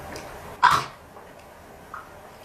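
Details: Single sudden, loud, bark-like vocal tic in a quiet room from a person with Tourette syndrome, filmed at age 19; symptoms began at age 9, diagnosed at 13.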